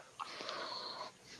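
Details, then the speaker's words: Adult imitating the sustained, flute-like whistle, about a second long, that her asthma inhaler's spacer tube makes when she uses it incorrectly. Imitated inhaler spacer whistle. "And of course, she does it wrong, so it goes, makes a flute sound."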